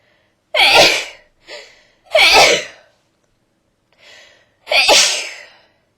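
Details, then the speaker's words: Adult with a cold sneezes while phoning to make a doctor's appointment; three loud, explosive sneezes in about six seconds, each after a quick sharp inhale, in a quiet room. "Yeah, it's a cold. Yeah. I'm sorry. Yeah. I just can't stop sneezing."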